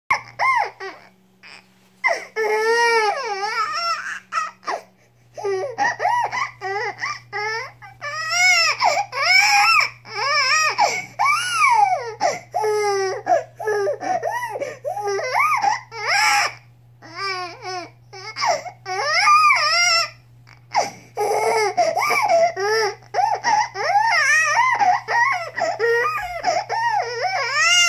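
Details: A 4-month-old infant cries and fusses in bursts, with rising and falling wails and brief pauses for breath: infant cry.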